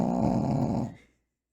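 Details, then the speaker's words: Single low, rumbling snore from a sleeping dog near the microphone, a rough fluttering breath fading after about a second. "okay real quick that fucker's snoring like right there he's so bored"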